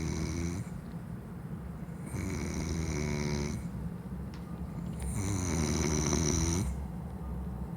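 Loud, buzzing snores come with each breath in, about 20 breaths a minute, with quieter breathing out between them.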